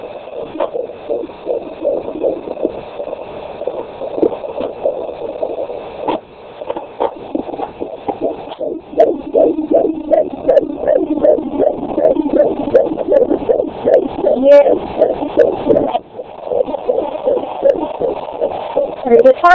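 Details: 18-week pregnancy, fetal Doppler: rapid, regular galloping whoosh of fetal heartbeat about 146 per minute; normal fetal heartbeat.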